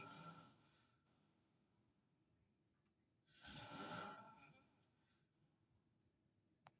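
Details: Adult man, a father, asleep and snoring loudly while staying with a hospitalized family member: a single loud, rough snore rising from quiet breathing, with a softer one at the start, in a quiet room; snoring.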